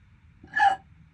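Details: One short, abrupt voiced hiccup in a quiet room, about 10 minutes into a hiccup bout lasting over 12 minutes that the person calls painful, worsening and not normal.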